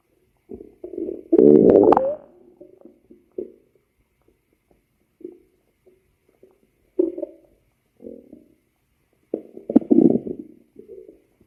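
Irregular bubbling gurgles and low rumbling squeaks from the abdomen, with quiet pauses between them; ordinary stomach growling.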